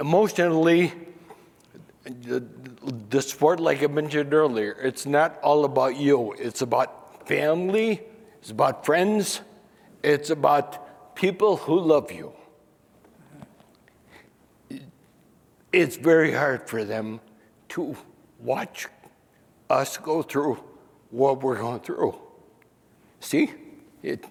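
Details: 67-year-old man diagnosed with spinocerebellar ataxia about 28 years earlier (1995); he could no longer sing or make announcements and says he rambles or forgets what he is saying. Finding: ataxic dysarthria.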